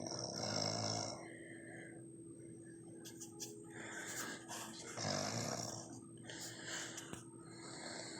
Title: Snoring Hard